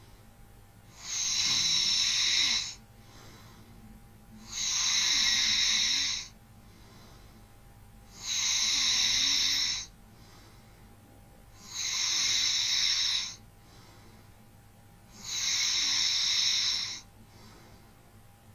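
Regular hissy, airy breath sounds about 17 times a minute, each lasting over a second; light breathy snoring.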